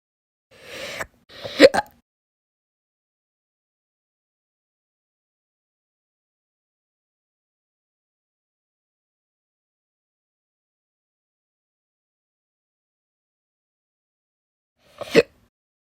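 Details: Slow hiccups, audio only: two brief sharp vocal catches close together, then a single one after a long pause.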